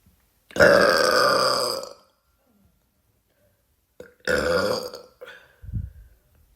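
Two long, loud, rumbling belches with gurgling at the end: burping.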